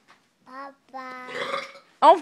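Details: A child's brief vocal sounds, then a rough, voiced, gulping burp lasting under half a second, from a brother being silly.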